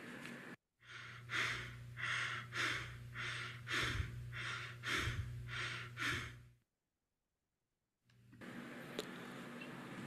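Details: Tachypnea.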